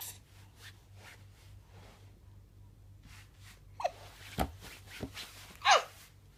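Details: Soft breathing, then about four short, sharp catches in quick succession, described as constant hiccups with kicks; hiccups.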